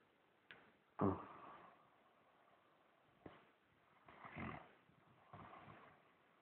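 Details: Adult man (husband) snoring during sleep: several short, harsh snorting breaths with quiet gaps between them.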